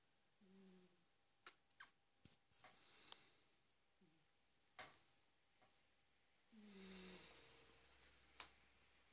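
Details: A big cat snoring while asleep, recorded with a smartphone: three soft, low rumbling snores with faint clicks and room noise between them.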